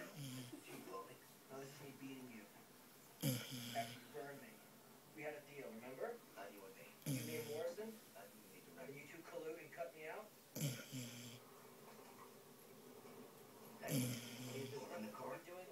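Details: Snoring in a 10-month-old beagle: snorting, rattling breaths about every three to four seconds, with soft snuffling between.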